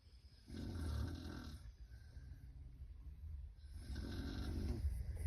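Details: A woman snoring loudly: two long, low, rattling snores on breathing in, with quieter breathing between them.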